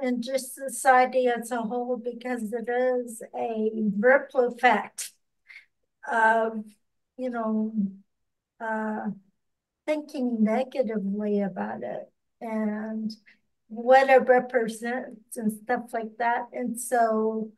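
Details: Ataxic dysarthria in a podcast host who has ataxia and reports working extensively on pronouncing words.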